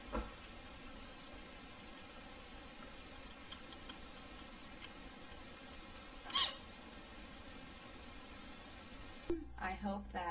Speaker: um I hope that that uh these hiccups go away uh I hate having the hiccups because they bother me so much